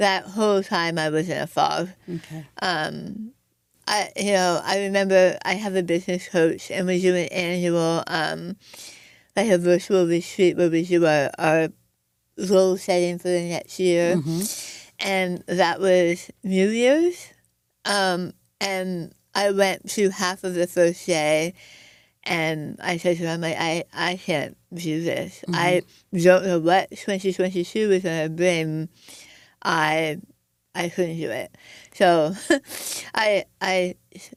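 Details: Adult woman with stage 4 right-sided tongue squamous cell carcinoma diagnosed December 2021; over half the tongue removed, arm-skin reconstruction, neck dissection, tracheotomy, radiation, chemotherapy, speech therapy; she feared not being understood; altered articulation after partial glossectomy.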